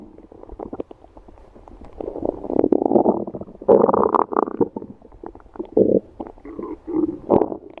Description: I know it's been a while since you've listened to my beautiful growly tummy! I bet you've missed her so much!